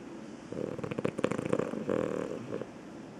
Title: Sleep Barking and Loud Snoring